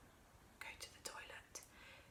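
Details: Parent imitating her autistic son's palilalia, acted: whispered repetition of his own words, appearing after his echolalia tapered off as language developed; son diagnosed with ASD at age 5; palilalia (whispered self-repetition).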